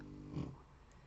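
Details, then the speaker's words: Snoring from a sleeper who has slept since morning; snoring heard during a crafting recording. "vous l'entendez ronfle et a nommé samedi est cerné connaît elle dort depuis ce matin"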